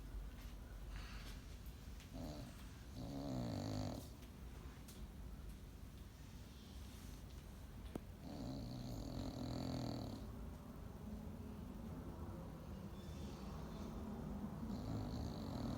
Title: Baby Chloe snoring #bulldog